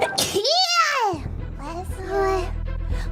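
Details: Single small sneeze from a VTuber during a game stream: a sharp burst of breath, then a high, squeaky rising-and-falling vocal sound, with game music and talk in the background.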